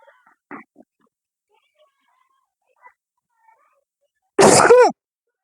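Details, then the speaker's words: Sneeze during a nose-blowing and sneezing challenge, which the person calls a bad sneeze: a single loud, forceful sneeze after a few quiet sniffs and faint sounds. "मेरी बुरी वाली छीक आई है"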